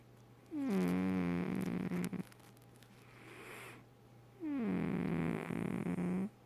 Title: So my cat snores